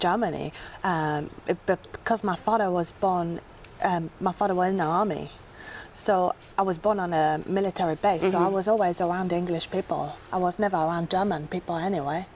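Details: Woman with a formerly strong West Country accent who developed a Chinese-sounding accent about a month earlier, after a severe migraine attack caused brain damage; foreign accent syndrome.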